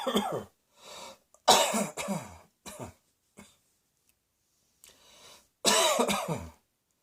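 About six forceful coughs in irregular bursts, separated by short silences.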